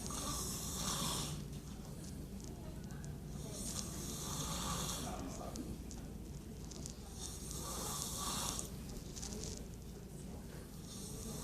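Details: Person snoring while asleep in a doctor's office: loud rattling snores in repeated breath cycles with hissy breathing between, against quiet room noise; ordinary snoring.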